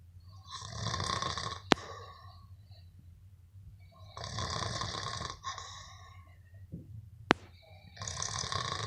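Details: Sleeping person snoring, possibly after heavy drinking, filmed by a friend: loud rattling inspiratory snores, about three in nine seconds, with sharp clicks between them.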